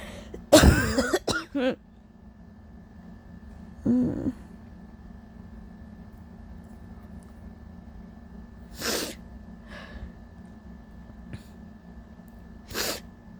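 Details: Adult ill with allergies, sore throat, lost voice and scratchy wet cough: a loud sneeze with a follow-up burst, then several weaker coughs and sneezes against room hum; sneezing and coughing fits.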